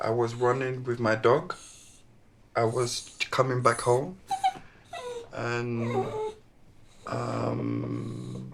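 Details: Man, former professional footballer, who had a stroke at 36 two years earlier, initially severe aphasia, still with word-finding difficulties; aphasia with word-finding difficulty.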